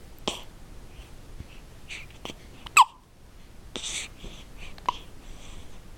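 Several short, sharp catching sounds at irregular intervals over quiet breathing, fitting hiccups.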